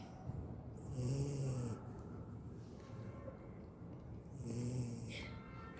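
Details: Beagle: two low rumbling snores, each about a second long, with a hissing whistle on the breath; ordinary dog snoring.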